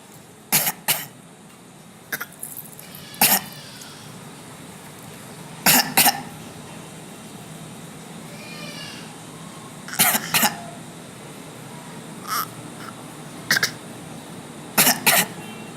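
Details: Young girl playfully copying her father's coughing style: short, sharp cough bursts, often in pairs. Imitated cough.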